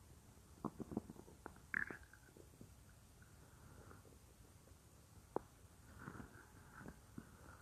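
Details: Real recording of a woman's own stomach, which she says sometimes gets loud, made for a roleplay: soft scattered gurgles and squeaks with faint rumbling in a quiet room; stomach growling (borborygmi).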